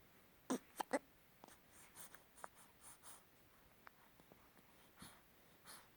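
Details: Morning hiccups in an infant: several short, abrupt, irregularly spaced catches of breath in a quiet room; everyday, harmless.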